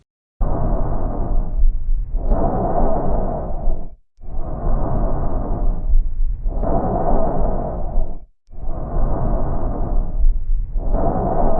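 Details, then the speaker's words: Normal bronchial breath sound, simulated audio representation: loud hollow breathing, less intense than tracheal sound, inspiration and expiration of similar length separated by a brief pause. "agora vamos ouvir a representação do som brônquico é a divina projeção dos brônquios e eu sou um dele é menos intenso que o som traqueal e o tempo de inspiração é semelhante ao tempo de expiração e Acontece uma pequena pausa Entre esses dois tempos"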